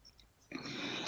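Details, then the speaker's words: Imitated expiratory wheeze, the classic kitten-like sound heard in asthma and COPD: a brief, high, whistling sound on breathing out. "si perón expiratorio que es la que vas a sentir siempre sin ya que el tipo de inhalar vas a sentir él algo así como un gatito"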